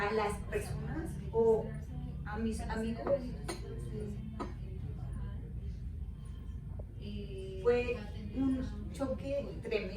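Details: Adult woman with aphasia for 13 years after a stroke that needed surgery, followed by a month in a coma; on waking she could not speak, read or write and had hemiparesis; aphasia with non-fluent speech.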